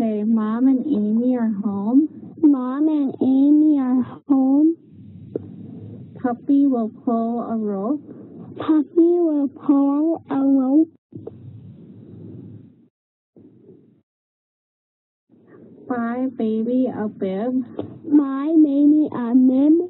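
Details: Female patient with cleft lip and palate showing severe, structural velopharyngeal dysfunction (cleft palate speech) while repeating test sentences; the clinician judges surgical or prosthetic treatment necessary.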